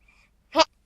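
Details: Person with hiccups who finds them funny: a single brief, sharp, voiced catch of breath; a hiccup.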